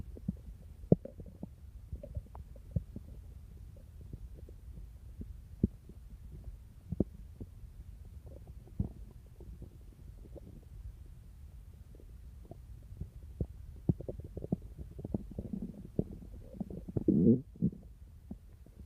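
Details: Low rumbling with scattered soft pops and clicks, ending in a louder gurgle; a boy's and a girl's stomach growling.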